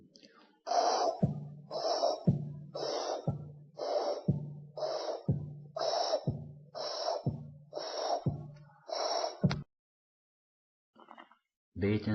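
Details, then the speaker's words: Stethoscope auscultation over the aortic area of a double aortic lesion murmur, with both a systolic murmur and a diastolic aortic regurgitation murmur heard around S2. "if diastolic we will hear it atic reg if it's systolic we will listen to our tt nois be careful with ation click f it systolic and diastolic we are are dealing with double aortic [Music] lesion V"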